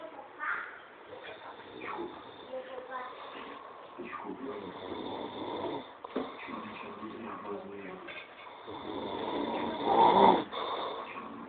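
Rough, rattling breathing noises through much of the stretch, louder near the end, typical of snoring; some room noise.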